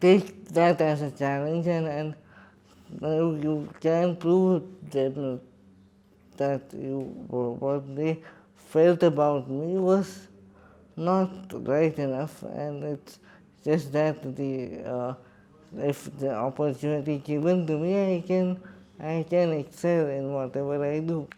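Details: Adult man with cerebral palsy and quadriplegia speaking in his own voice in an interview; dysarthria.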